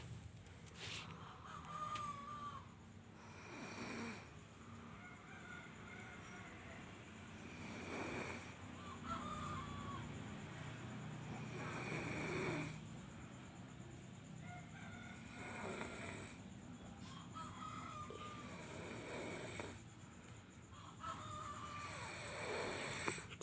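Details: Agus snoring during sleep: rough, rattling snores repeating about every four seconds, birdlike chirps in background.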